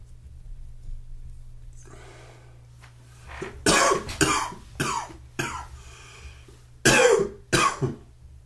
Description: A little morning cough and one sneeze thrown in for good measure...please comment, like, share and enjoy.